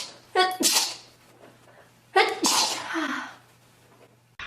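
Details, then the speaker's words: Two loud, explosive ordinary sneezes, each preceded by a sharp indrawn breath. "Oh my god, if I keep sneezing, this is gonna be rough. I have another."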